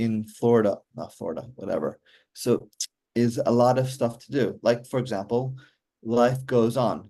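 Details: Adult male stroke survivor with aphasia since a stroke during mitral valve surgery for hereditary mitral valve prolapse in 2007, recorded July 2024, real patient who says communicating is still hard; aphasia.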